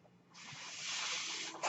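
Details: Soft airy hiss rising and holding for just over a second, then fading: a mechanical ventilator breath cycle from the podcast speaker's own ventilator.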